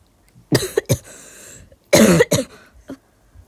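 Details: A person who is sick, coughing while playing with slime: two pairs of short, harsh double coughs in a quiet room. Coughing during an illness.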